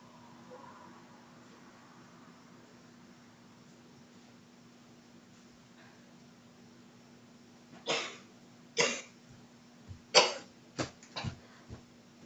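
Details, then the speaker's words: After a quiet stretch, about seven sharp, forceful coughs in quick uneven bursts; choking cough after inhaling a piece of French fry while eating. "Yo yo I legit inhaled not thinking. I inhaled not thinking while I was eating a French fry."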